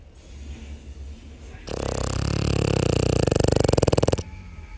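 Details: 11-month-old male Boston Terrier puppy snoring while asleep, snoring more lately, especially after much outdoor play: a loud, rough, fluttering snore with rapid vibration that rises in strength before stopping abruptly.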